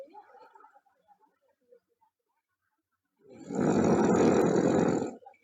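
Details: Girl snoring loudly: after faint soft sounds, one long, loud, rough rattling inspiratory snore of about two seconds.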